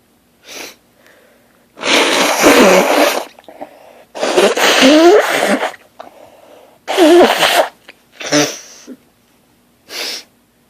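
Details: Just woke up and lying in bed: a sneezing fit of about five loud, explosive sneezes, each preceded by a sharp in-breath, growing progressively stronger.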